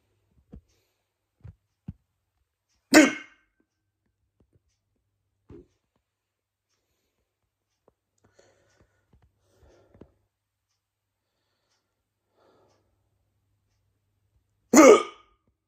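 Two loud, abrupt voiced bursts about twelve seconds apart, with small clicks between; forceful hiccups.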